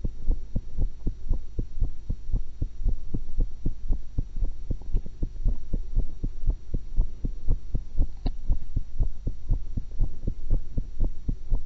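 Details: Own heart recorded through a stethoscope while eating an apple and a cucumber: regular thumping heartbeat at about 60 beats a minute over a steady hum; normal heart sounds.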